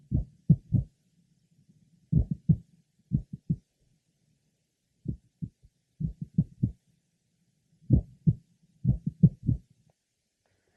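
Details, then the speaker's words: Mitral valve prolapse patient heard at the apex: irregular heart sounds with a single mid-systolic click and frequent premature beats. "our next patient has a single midsystolic click frequent premature beats are present as they are in a number of patients having mitral prolapse"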